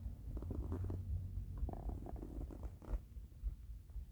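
Low, gurgling rumbles rising and falling over a few seconds: ordinary stomach rumbling from hunger.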